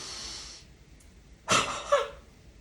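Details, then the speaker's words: Demonstrated directed cough (forced expiratory technique): deep breath in through the nose, a brief breath hold, then open-mouthed forced breathy huffs, repeated two or three times before a final cough; huff cough. "what you're going to do is take a deep breath in through your nose with a little bit of a breath hold and then you're going to perform some Huffs with your mouth open your air is coming out of your mouth"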